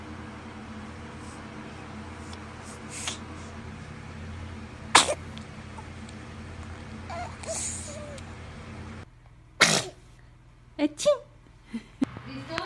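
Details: Compilation of babies sneezing: several small, sharp infant sneezes, each a brief burst of air, with soft background sounds and adults saying bless you; ordinary baby sneezes.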